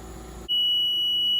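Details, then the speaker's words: Oxygen concentrator (Invacare) demonstration with the flow ball deliberately turned well above 5: a steady, piercing high-pitched electronic alarm starts abruptly over machine hum, signalling flow set too high. "And again, you should hear an alarm start to go off soon, as the machine indicates that you've turned the machine up higher than it's supposed to go."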